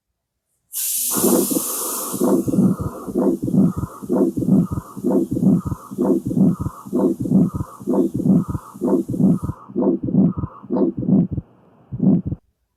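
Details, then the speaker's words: Pathological ejection systolic murmur with triple sound, split second heart sound and possibly an associated S4. "So you can hear triple sound here also. So the second hard sound is split."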